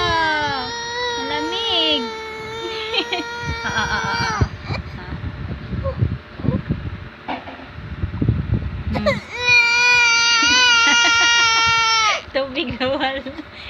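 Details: Baby crying: loud, sustained infant wails in bursts with sobbing breaths between, adult talking in Tagalog in the background, after the baby grabbed a mug of cold water and was stopped from drinking it.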